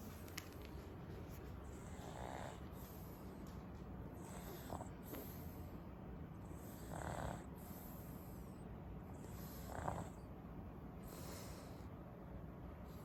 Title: ZzzZZZZzzzzz Snoring Frenchie